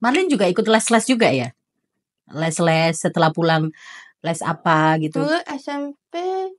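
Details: Adult speaker; normal speech.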